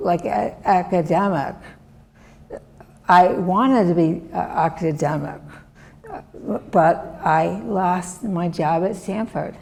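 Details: Adult woman, former professor, with non-fluent aphasia from a severe stroke in 2010 that left her right side disabled and took her speech; she relearned making sounds and still cannot speak as before; non-fluent aphasia after stroke.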